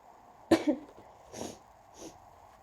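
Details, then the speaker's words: Person sneezing during an allergy attack, announcing the sneezes: one sharp sneeze burst followed by two softer breathy exhalations, with repeated sneezing in a quiet room. "Today, I thought I'd record, uh, announcing my sneezes when I get another allergy fit. I'm gonna sneeze."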